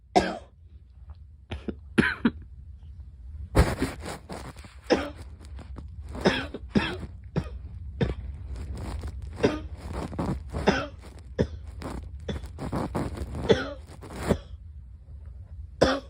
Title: Girl coughing 12